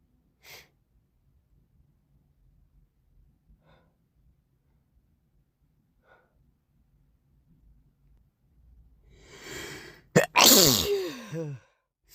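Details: Morning sneeze with a snotty nose: quiet sniffs, a building inhalation, then one sharp, forceful sneeze with a trailing voiced exhale.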